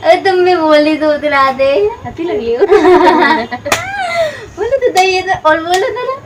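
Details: Feigned lisp (imitated baby-talk articulation) acted by a male host as a prank on a friend; not a real disorder.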